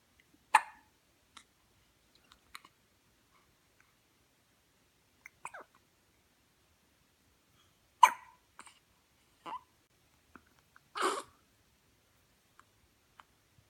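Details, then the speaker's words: Dog with hiccups: a few sharp, abrupt gulping sounds spaced several seconds apart in a quiet room. "What you thinking about, huh? How annoying hiccups are? I know."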